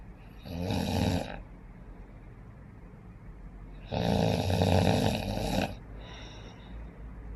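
Two loud, rough, rattling breaths in a quiet room, with a fainter third. Snoring.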